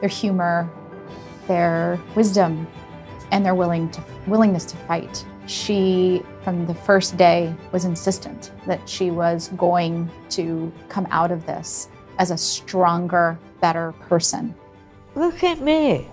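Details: Adult woman speaking; normal speech.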